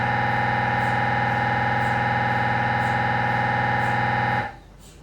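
Steady loud buzzing drone with a rapid regular pulsing of about four per second, then it stops abruptly: MRI gradient noise during a scan.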